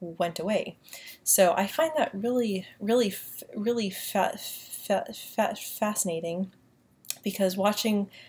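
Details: Woman who says she has a mild stutter and stutters less when using a British accent, speaking in her normal accent with repetitions; stuttering.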